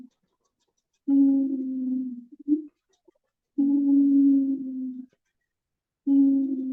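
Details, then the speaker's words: Wheezing in lung disease: repeated long musical whistling tones, one with each breath, indicating bronchial obstruction. "So this is the sound, wheezing sound."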